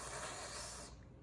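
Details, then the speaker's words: About a second of steady wet hissing suction as sterile saline is drawn through the catheter to clear the tubing, in a nasotracheal suctioning demonstration with a Yankauer and suction catheter kit. "if it's thick secretions i can put in my sterile saline"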